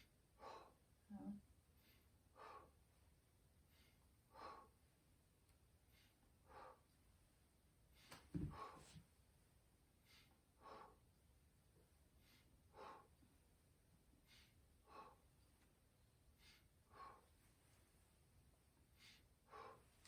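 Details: Normal breath sounds auscultated over the posterior chest between the scapulae during a head-to-toe assessment: soft, regular breathing, clear with no wheeze or crackles.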